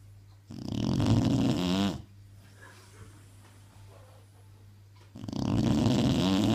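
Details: Dog snoring while asleep: loud, rattling, rumbling snores, each breath about one and a half seconds long, with quiet pauses between and some room hum.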